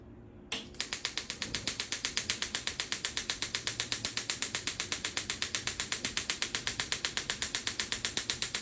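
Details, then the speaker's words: Rapid, steady mechanical clicking at about four pulses a second from a shockwave therapy device run briefly on an adult patient's shoulder over ultrasound gel, as a soft-tissue treatment demonstration. "So we're going to show you a little bit what the Shockwave treatment looks like on Liz's shoulder here today. So we've got a little ultrasound gel on there. We'll do a quick treatment."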